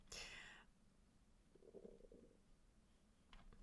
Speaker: I don't know if you can hear my stomach growling, but like, what's that weird noise? It sounds like an angry cat. It's just me.